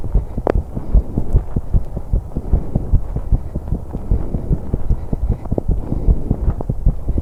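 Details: 21-year-old female on an exercise bike, recorded to capture breathing too: rapid heartbeat about 150 per minute under heavy breathing noise; heart sounds during exercise.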